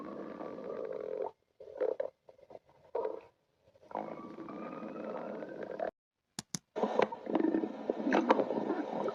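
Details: Long, low gurgling rumbles with brief pauses and a few squeaky, bubbling bursts: ordinary stomach growling from gas and fluid moving through the gut.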